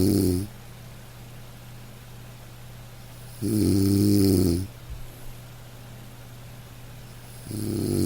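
Loud, rumbling snores on the in-breath, about every four seconds, with quiet exhalations between; ordinary snoring during sleep.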